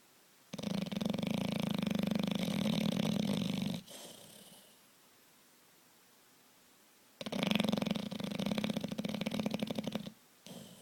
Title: Beauregard the big bulldog snores